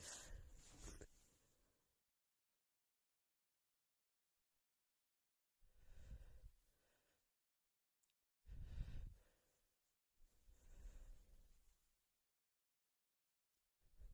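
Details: Woman's muffled sneezing fit: four breathy bursts separated by silence, held back rather than fully released; a series of stifled, partly muffled sneezes.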